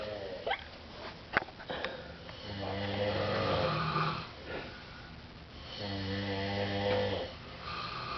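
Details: Two friends, at least one male, sleeping in an apartment living room with different snores: loud, buzzing inhaled snores alternating with quieter breaths; snoring.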